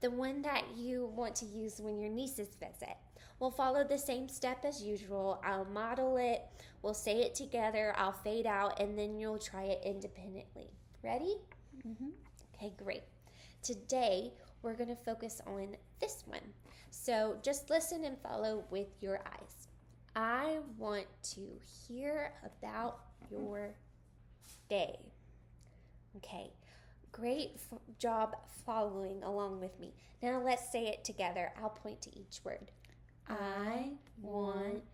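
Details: Adult woman; typical speech.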